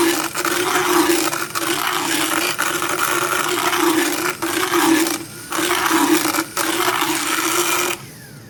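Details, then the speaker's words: Horse about 10–12 years old, routine equine dental with motorized power float: steady high-pitched motor whine with grinding rasp, briefly interrupted several times. "And so, when you're grinding like that, how do you keep it from grinding too much, or what is too much?"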